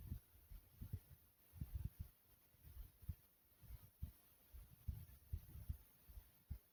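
Low, muffled thumping heartbeats, roughly 70 to 75 a minute, with faint room hum behind them.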